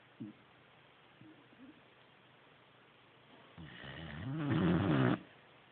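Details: A few soft snorts, then a long, building, rumbling snore on one breath from a sleeping 4-month-old Greater Swiss Mountain Dog puppy, still snoring.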